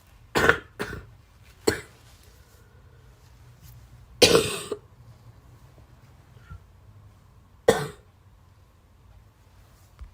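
Several separate harsh cough bursts, about five in ten seconds, with quiet pauses between them in a small room.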